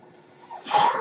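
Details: Home mechanical ventilator breath.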